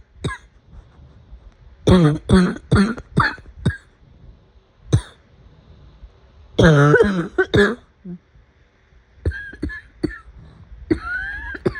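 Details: An adult's afternoon coughing fit: repeated quick runs of sharp, harsh bursts, about fourteen coughs in twelve seconds.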